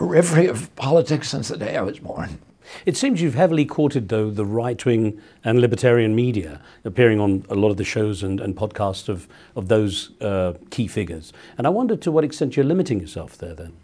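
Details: Adult male; typical voice.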